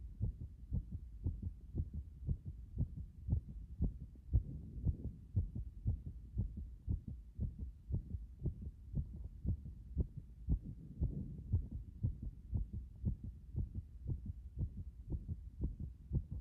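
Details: Heart sounds after compression: rapid, regular muffled heartbeats at about 118 a minute over a low rumbling background.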